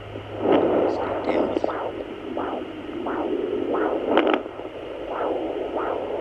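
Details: Home fetal Doppler on a pregnant woman's belly: rhythmic whooshing pulses through static, the baby's heartbeat found after moving the probe past her own; the device's displayed rate was inaccurate.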